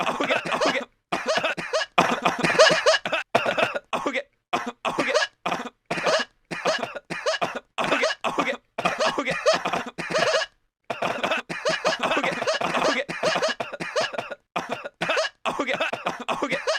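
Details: An adult coughs over and over for about 64 seconds, short harsh bursts about once a second with brief pauses between.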